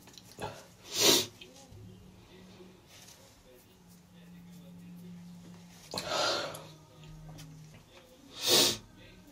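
Three sharp, explosive sneezes over about nine seconds, with a steady low hum in the background; repeated sneezing.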